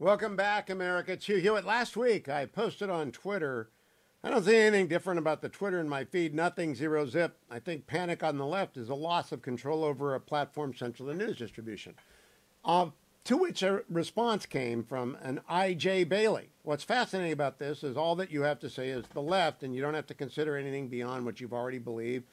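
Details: Adult male speaker; normal speech.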